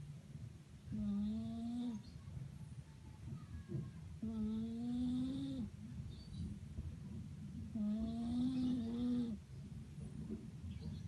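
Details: Snoring from a cat with a flat, squashed nose (pug-nosed): regular, drawn-out, buzzing snores at about 18 breaths a minute, consistent with airway narrowing.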